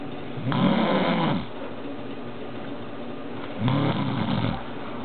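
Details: Snoring from a sleeping woman: two loud, rough, low fluttering snores about three seconds apart, with quiet breathing between, likened to a lioness, bear or seal.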